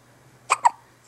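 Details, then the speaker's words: Newborn girl's hiccups in her first week at home, occurring four or five times a day: two quick, sharp catches in the breath a fraction of a second apart against a faint low hum. "has the hiccups yet again. It's uh a four or five times a day occurrence."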